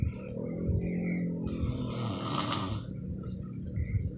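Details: Adult father snoring while asleep: deep, rumbling, rattling breaths and loud snoring, with a faint whiny voice nearby; snoring.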